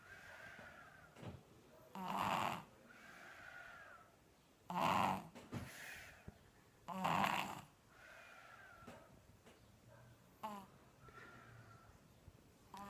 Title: Funny snoring baby